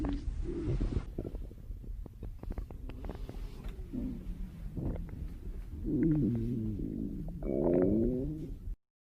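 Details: Staged stomach growling from a hungry girl on a diet at a pool: low gurgling rumbles rising into long growls near the end, with faint music behind.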